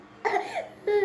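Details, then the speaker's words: Young child, currently with a cough, gives a short, wet-sounding cough followed by a brief whimpering cry; cough. "Orang lagi batuk hayang es bae."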